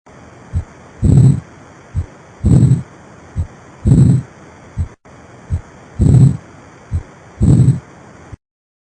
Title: Ausculta cardiaca e pulmonar